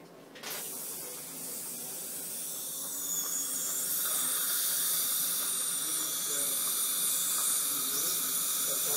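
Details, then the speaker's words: Steady high hiss and water spray rising in loudness: an ultrasonic scaler using high-frequency vibration and water to remove plaque and tartar during a dental cleaning. "ultrasonic cleaning uses high frequency sound waves and water to gently remove plaque and tartar from the patient's teeth"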